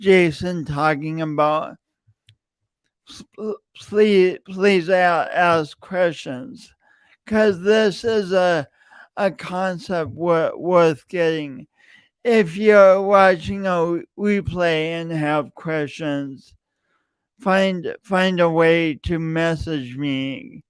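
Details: Adult man with a self-reported speech impediment, present for years and audible whenever he speaks; stuttering-like disfluency (speech impediment) with repeated words.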